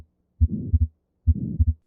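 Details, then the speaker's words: Simulated heartbeat with a soft murmur filling systole between S1 and S2, typical of atrial septal defect, a left-to-right shunt; systolic murmur of atrial septal defect. "between S1 and S2 you hear that because it's a systolic murmur"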